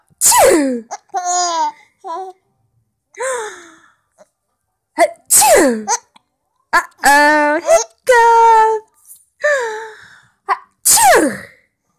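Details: Mother's three sharp, explosive adult sneezes, each followed by giggles and squeals from her 3-month-old infant who finds them funny; sneezing.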